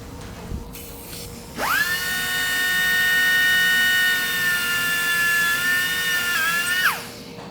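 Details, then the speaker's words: Five-year-old Labrador with developmental elbow disease (elbow dysplasia) and severe arthritis, during elbow joint replacement surgery; high steady whining surgical power burr runs about five seconds, removing a clump of new bone beneath the joint. "In this case there's a big clump of new bone underneath the joint, which I'm going to have to knock off, or otherwise I will not get the joint open."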